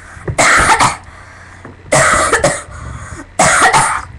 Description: I had a coughing fit.